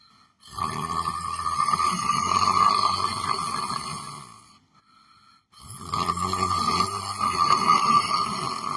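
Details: Person sitting on a chair, asleep: two long, loud, vibrating breaths separated by a brief quiet gap; snoring.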